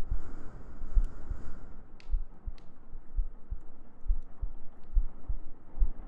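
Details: ASMR sleep-aid girlfriend cuddle role-play with heartbeats, gentle breathing and humming: soft, steady low thuds at about 60–70 a minute under a faint hum; a regular, normal heartbeat.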